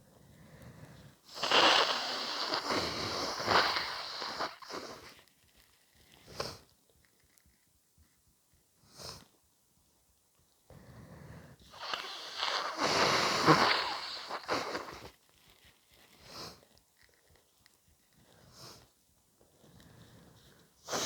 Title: Messy cold sneeze plus a ridiculously snotty blow!